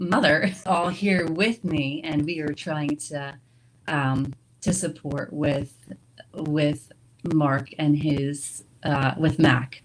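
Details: Woman with stroke-related aphasia, a member of an aphasia support group, whose speech shows word errors; aphasia.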